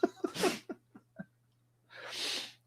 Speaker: Can you hear my dog sneezing?